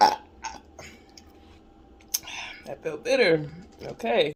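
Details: While trying Izze lemonade, several loud, drawn-out belches in a quiet room, air brought up from the stomach: burping.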